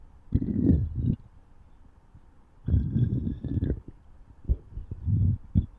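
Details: Stomach growling (borborygmi): bursts of low gurgling and rumbling with quiet gaps between them.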